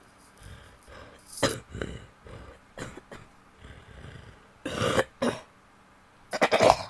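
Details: Woman coughing in several short, harsh bursts separated by quieter throat sounds and breaths; an ordinary cough.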